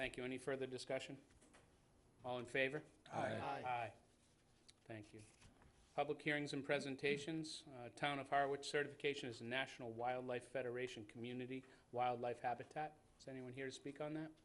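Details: Adult man speaking; normal voice.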